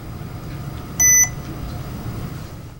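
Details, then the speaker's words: Single short high-pitched electronic beep over faint room hum as a GE MAC 5500 ECG machine is powered on via the power button. "the power button is located at the top right of the keypad simply press to power the machine on or off"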